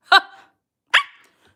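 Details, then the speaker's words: Young woman with Tourette syndrome, during a livestream: sudden sharp yelp-like vocal burst, then a brief voiced sound; involuntary vocal tic. "Not trying to hate, but why do you keep making noises like that? I have Tourette's, and it is involuntary. I can't control it."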